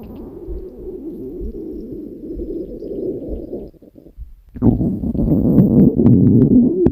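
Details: Stomach growling recorded while a woman sleeps: low, gurgling, rumbling stomach growls that pause briefly and then return louder; ordinary bowel sounds.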